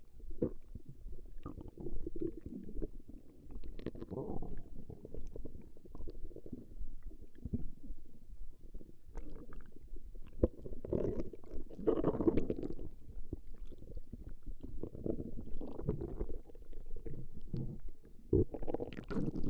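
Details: Woman's stomach growling recorded over a long session: continuous low gurgling and rumbling with irregular louder surges; ordinary bowel sounds (borborygmi).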